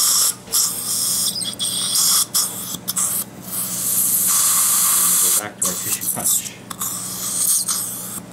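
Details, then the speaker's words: Surgical-guide (stent/jig) implant surgery in a man's upper jaw: high-pitched drill whine with spray hiss, starting and stopping, as the tissue punch and first drill cut the initial hole. "all right so I'm going to take off The Jig so you can see what the effect of the first drill is"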